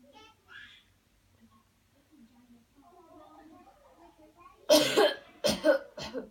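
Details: Demonstration of a coached airway-clearance coughing technique: after a deep breath in, quiet voices and soft music, then a burst of three strong deliberate coughs.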